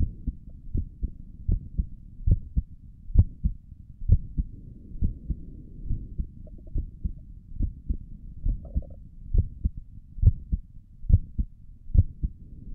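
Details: ASMR recording of the creator's own heartbeat through a stethoscope on the chest: steady, soft, low double thumps at about 68 beats a minute over a faint hum; normal heart sounds.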